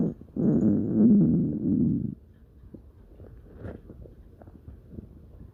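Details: Stomach growling (borborygmi): a loud, low gurgling rumble lasting about two seconds, then faint bubbling gut sounds; ordinary stomach growling.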